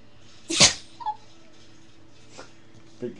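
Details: Dog Charlie lying on his back getting a tummy rub gives a single loud, explosive sneeze followed by a few small snuffles in a quiet room.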